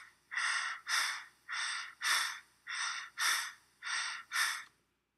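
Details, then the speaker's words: Quick, regular breaths in and out, about 50 a minute, imitated by an adult in a physical therapy teaching video on breathing patterns; tachypnea means a breathing rate over 24 breaths a minute. Tachypnea. "Topia is a high respiratory rate over 24 breaths per"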